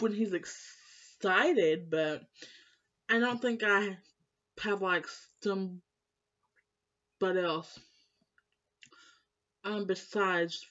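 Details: Woman who has stuttered all her life since starting school, was in speech class; blocks when stressed; uncle and mother also stutter; stuttering.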